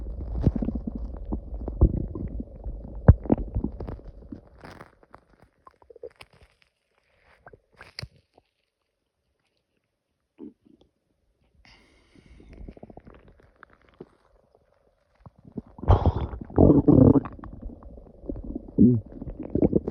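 Low gurgling rumbles and bubbling bursts separated by a long quiet stretch: loud stomach growling from gas and fluid moving through the gut.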